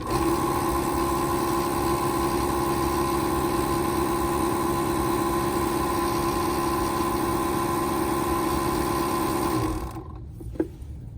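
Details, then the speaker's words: Dental triturator (amalgamator) mixing an activated RelyX resin-modified glass ionomer luting cement capsule, set for 10 seconds: steady buzzing mechanical whine running about ten seconds, then stopping with a click. "These take 10 seconds, so I've set the machine to 10 seconds here. Then I'm gonna go ahead and start it."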